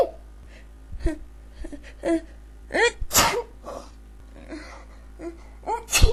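Several sneezes in quick succession with sharp inhaled gasps between them, a sneezing fit.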